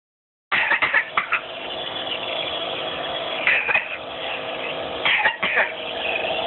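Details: Child coughing during a nebulizer breathing treatment: steady nebulizer hiss with clusters of short, harsh, awful-sounding coughs.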